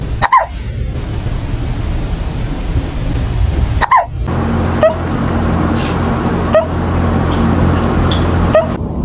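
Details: Hiccups in a cat: several brief, abrupt catching sounds a couple of seconds apart over a steady background hum.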